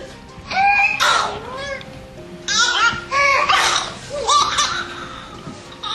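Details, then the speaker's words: An infant with pertussis: coughing spells with high-pitched, strained breathing sounds between bursts, typical of whooping cough. "escucha el sonido de la tos de un infante con pertussis"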